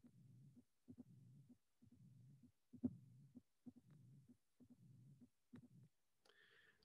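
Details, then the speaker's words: Regular beat near 66 a minute: first and second sounds, a high-frequency opening snap and a low diastolic rumble of increasing intensity with cyclic variation; tricuspid stenosis. "The finding number one is that we have a rhythm with three sounds that are first sound, second sound, and opening snap is a high frequency. Then the other finding is that we have the diastolic rumble. But the third find that clarifies the origin of the finding is the variation."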